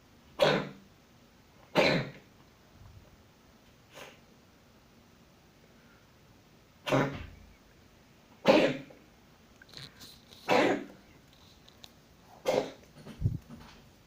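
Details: A cat coughing: short, separate, dry hacking coughs, about eight over fourteen seconds, in a quiet room.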